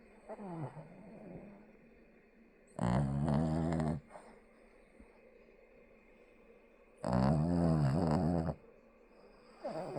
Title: deep snoring 😴